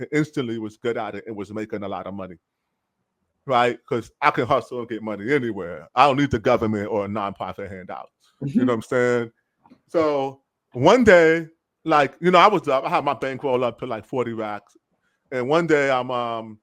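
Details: Real adult man who is deaf and cannot hear his own enunciation, so his speech impediment results from his hearing loss; deaf speech (speech of a person with hearing loss).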